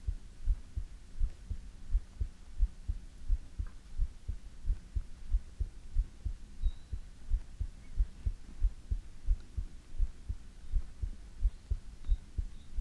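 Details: Steady, regular low thumping heartbeat at about 90 beats per minute recorded for ASMR, with a soft hum behind it; a normal heartbeat.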